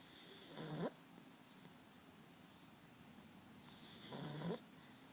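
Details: Pet snoring: two soft snores about 3.5 seconds apart, each ending in a brief squeaky whistle, over quiet room noise.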